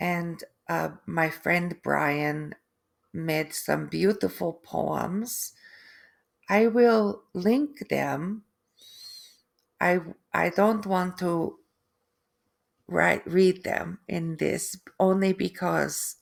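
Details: Adult woman after a stroke with aphasia and apraxia of speech, plus foreign accent syndrome that developed 3 months after the stroke.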